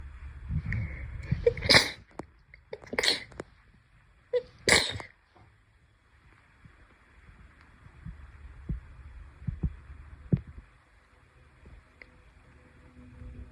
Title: sneeze 21-30